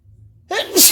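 One sudden, sharp sneeze, a quick intake of breath and then an explosive burst of air; an ordinary sneeze.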